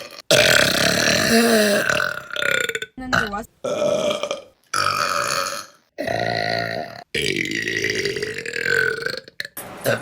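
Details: Women burping in a compilation: a series of loud, long, voiced belches with short pauses between them; burping.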